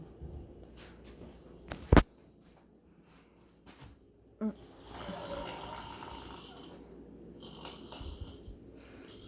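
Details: Pet pig, cold, sleeping with tongue out and snoring: low soft rumbling breaths, a long noisy snoring exhale, and a few sharp snorts or clicks in a quiet room.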